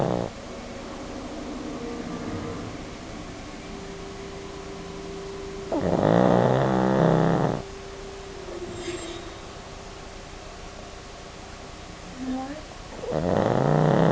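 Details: Sleeping dog: loud, rattling snores on inhaling, two clear breaths about six seconds apart, with a faint steady hum in the room; snoring.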